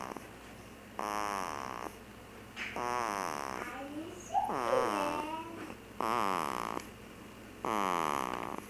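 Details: Person snoring: repeated droning, tonal snores roughly every one to two seconds, some with a whistling, voiced quality.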